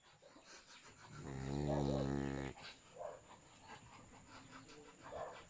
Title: Dog Snoring